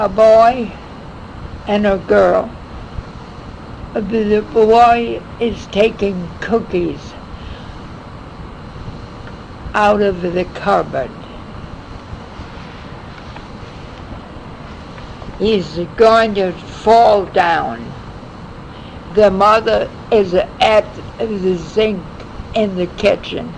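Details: Patient with nonfluent/agrammatic primary progressive aphasia describing the cookie theft picture; very halted, effortful speech with grammatical errors, simplification and omitted function words; nonfluent/agrammatic primary progressive aphasia.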